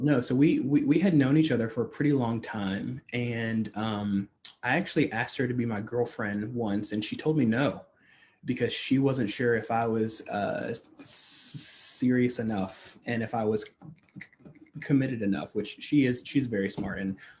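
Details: Adult man who stutters, a stuttering-advocacy leader, speaking on a podcast; stuttering.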